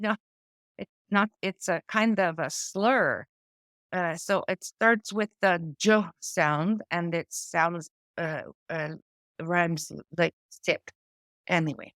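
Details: Adult woman with post-stroke aphasia from a stroke affecting her brain's language area, with word-finding difficulty: words drop out mid-sentence and she substitutes old-fashioned or inappropriate words. She also reports foreign accent syndrome: aphasia (word-finding difficulty).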